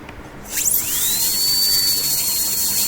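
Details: Dental drill during root canal treatment of curved canals: a high-pitched whine rises quickly to a steady shrill tone with hissing spray.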